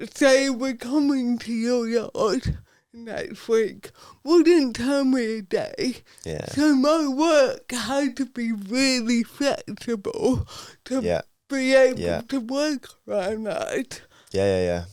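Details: Adult woman, Paralympic dressage rider, with athetoid cerebral palsy from birth that affects her speech; real, not acted; dysarthria due to athetoid cerebral palsy.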